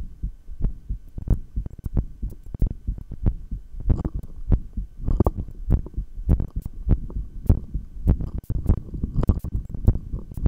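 Deep thudding heartbeat through a stethoscope, roughly 100 beats a minute, heard during a long breath-hold.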